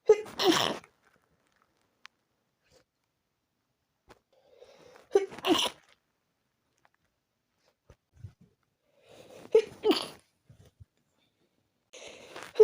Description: had a tickly feeling in my nose..